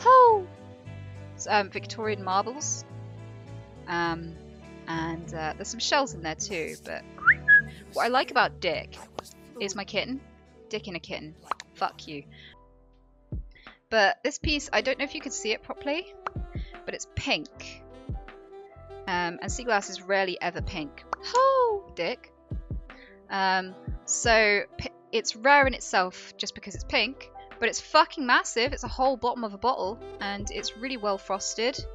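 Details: Vocal tics from Tourette syndrome in a female speaker, produced during ordinary descriptive talk.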